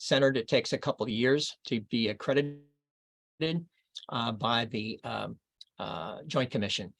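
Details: Adult man reading aloud within the first two years after a left-hemisphere stroke in Broca's area; archival recording; expressive aphasia with paraphasias and poor reading ability.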